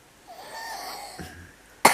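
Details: Soft, quiet reading voice, then one sharp cough burst cut off at the end; a single cough from a sick narrator reading a Russian children's bedtime tale aloud.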